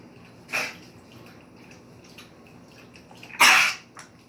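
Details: Dog coughing: two brief, harsh, airy bursts about three seconds apart, with a faint third sound after, short dry coughs.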